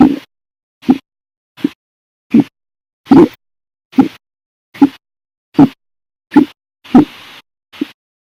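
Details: Hiccups, audio only, from a compilation of violent, loud and silent hiccups: eleven short, sharp hiccups in about eight seconds, roughly 80 a minute, each a sudden throaty catch of breath.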